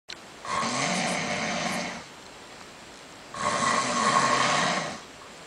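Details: Dutch man snoring: two long, rough, rattling snores with a quiet gap between them; loud ordinary snoring.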